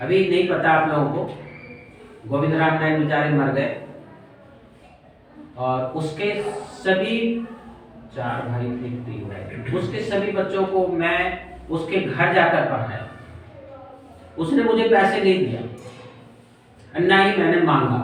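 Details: Adult male speaker; no speech disorder.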